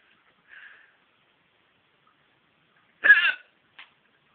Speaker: yeah like that I'm not thr it's just a hiccup something called the hiccup I think it's funny